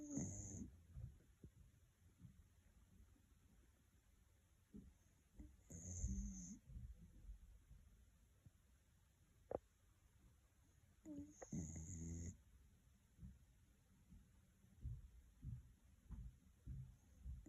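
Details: White Miniature Schnauzer dog asleep, snoring lightly: soft snuffling snores every few seconds with quiet, noisy breathing in between.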